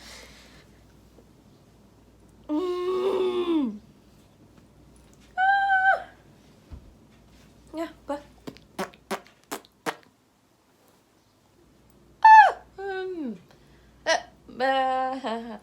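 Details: Person with a tic disorder during a tic episode: abrupt short vocal bursts, squeaks and a rapid run of clicking sounds separated by silences, with swearing vocal tics nearby; vocal tics.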